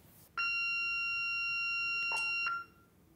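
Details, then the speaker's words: corpuls3 defibrillator, software version 4.4, manual mode with Sync or Autosync selected: steady high-pitched tone about two seconds when charge energy is reached, with a prompt to hold the shock button to deliver the shock. "Haben wir zuvor Autosync oder Sync angewählt, die Ladeenergie erreicht, erhalten wir den Hinweis, dass wir zur Energieabgabe die Schocktaste gedrückt halten sollen."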